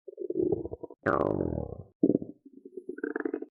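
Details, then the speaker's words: Irregular clicks and gurgles of normal physiological bowel sounds on abdominal auscultation, done before palpation during a demonstration abdominal examination. "bowel sounds are physiologically heard as clicks and gurgles in an irregular pattern"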